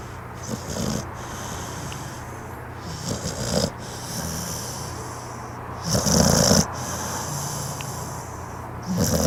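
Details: A sleeping dog or puppy: irregular snorting, rumbling sleep breaths over steady background noise: snoring.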